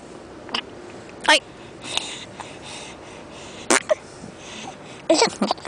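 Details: Young child in a car with hiccups while someone tries to make him laugh: several abrupt, brief catching sounds at irregular intervals, about five in six seconds, no tonal wheeze; hiccups.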